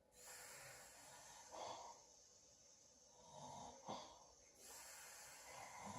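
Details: Pleasant light snoring during sleep: soft, airy breaths with brief snorting catches against a steady background hiss.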